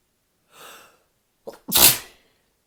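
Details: Single loud, forceful adult sneeze after an audible in-breath and brief catch, during a drunk sneezing fit; the person says drinking often triggers these fits for no reason.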